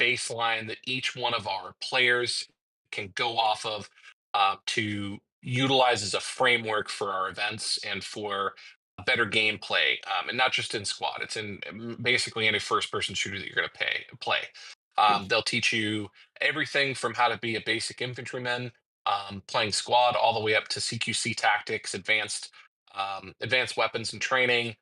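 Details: Adult male speaker; typical speech.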